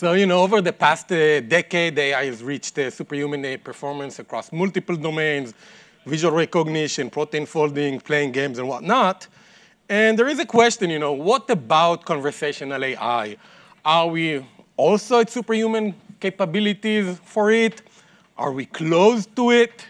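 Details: Adult male speaker; normal speech.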